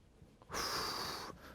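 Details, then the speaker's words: During manual therapy, the patient breathes in through the nose and forcefully exhales while the therapist applies pressure to release tight muscles: a single strong, hissing breath out through the mouth lasting nearly a second. "자 코로 들이 마셨다가 후 곳이지만 호흡을 크게"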